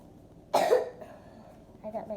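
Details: Single harsh cough burst from a child with a bad cough that hurts the throat, faint sound afterward in a quiet room.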